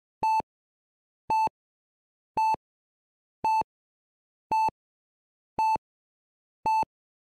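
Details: Steady, evenly spaced electronic beeps from a heart monitor, about 56 per minute, in an otherwise silent room; heart monitor beeping.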